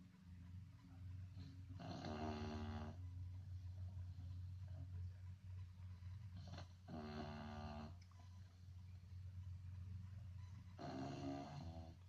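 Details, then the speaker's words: Dog snoring while asleep, deep and human-like; three loud, rattling snores about every four to five seconds over a steady low room hum. "Is really snoring. That don't make no sense. Like a grown man."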